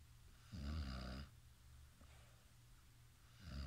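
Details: Sam sleeping; one low, rattling inhaled snore, then a quiet pause before the next; ordinary snoring.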